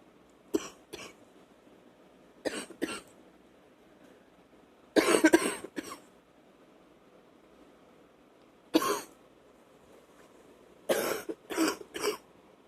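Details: Night wet cough on awakening, with spitting up of sputum.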